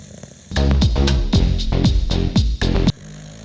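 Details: English Bulldog snoring: loud, rapid, fluttering snorts in quick bursts, about four a second, over a steady hum; heavy snoring and snorting.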